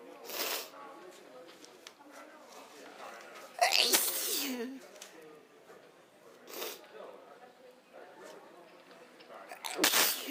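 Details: Sneezing fit, the first in a long time: a run of four sneezes over ten seconds, one louder with a voiced cry, with soft breathing and rustling between.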